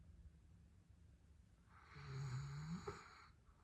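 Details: Sleeping Rhodesian Ridgeback: a single low, rattling snore on the in-breath, with quiet breathing before it; ordinary snoring.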